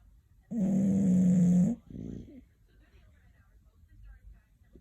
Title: Snoring Hen and Op